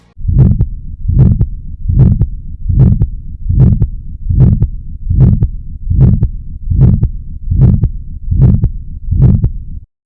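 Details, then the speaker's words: Aortic stenosis: regular heartbeat near 75 a minute with a harsh crescendo-decrescendo ejection systolic murmur filling each beat and a soft S2. "aortic stenosis leads to an ejection systolic murmur and a soft S2"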